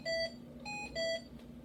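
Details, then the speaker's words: Hamilton T1 ventilator in neonatal mode on an infant transport isolette: three short alternating electronic alert tones after the increase-O2 button is pressed (2-minute boost, 5% above 21%); ventilator alarm. "There's nothing worse than having a ventilator screaming at you when you're trying to get something done."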